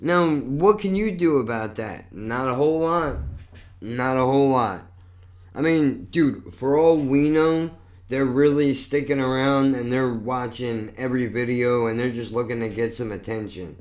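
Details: Adult male with lifelong cerebral palsy, with constantly tight muscles, and multiple sclerosis, which he says affects his speech: dysarthria from cerebral palsy.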